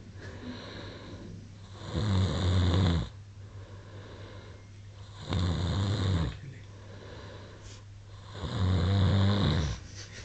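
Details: Loud, low rumbling snores from a sleeping adult man, recurring about every three seconds; snoring.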